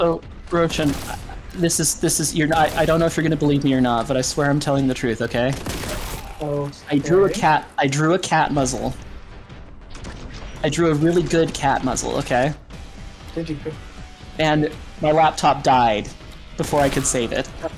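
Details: Male streamer's self-reported echolalia with phrase repetition, which he calls a speech issue that he tries to control; the microphone picks up repetitions that went unnoticed in person.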